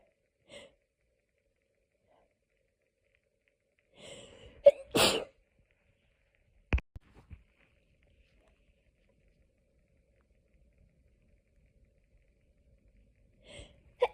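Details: Hay fever sneezing fit, edited loop: sharp sneezes with short in-breaths before them, spaced by silence; repeated sneezing.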